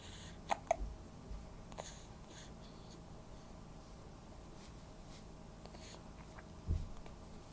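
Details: A few brief, sharp catches of breath in a quiet room from a child with hiccups; hiccups.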